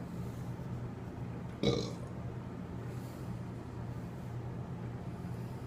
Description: Letting out some nice deep burps!